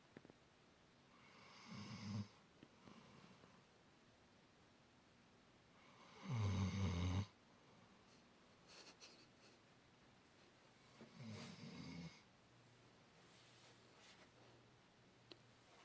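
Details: Sleeping male: three low, rattling snores spaced several seconds apart, with quiet breathing between them; snoring.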